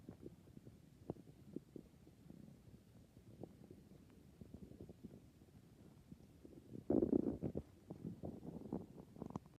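Quiet, irregular gurgles and rumbles with a louder burst near the end; ordinary stomach growling from gas and fluid moving through the gut.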